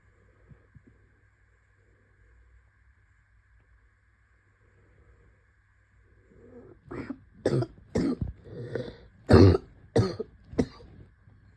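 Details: Adult gives a run of about seven short, harsh coughs after several quiet seconds; COVID-19 cough.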